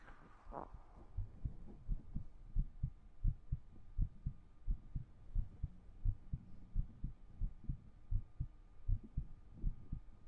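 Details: Soft, regular paired heartbeat thumps, roughly 85 beats a minute, in a quiet room, recorded with a 3Dio binaural microphone during an ASMR livestream; steady rhythm.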